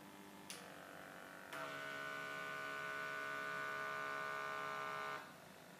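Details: Steady motor hum after two clicks as the cuff of an iHealth Feel BP5 wireless blood pressure monitor inflates on the arm, then the hum stops; a relaxed, silent measurement, with a reading of 120/88 reported afterward.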